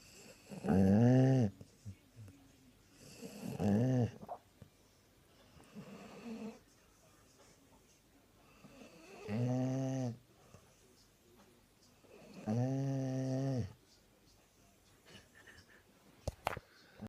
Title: Sprollie dog snoring loudly Christmas Day